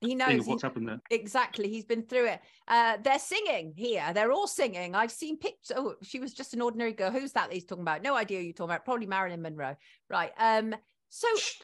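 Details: Adult speech, likely more than one speaker in conversation; normal conversational speech.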